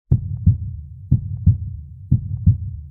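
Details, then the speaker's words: Heartbeat through a traditional stethoscope in an advertisement. The sound is hard to make out, and whether it is an S3 gallop is left uncertain. Steady two-part beat at about 60 per minute. "This is the sound of a heartbeat through a traditional stethoscope. Was that an S3 gallop? It's hard to make out."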